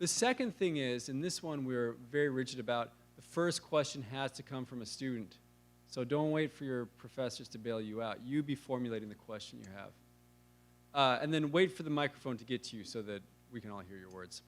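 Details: Adult male speaker; normal voice.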